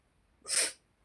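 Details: An adult woman with a cold, sore throat and cough gives a single short, sharp, hissing burst of air in a quiet room: a sneeze.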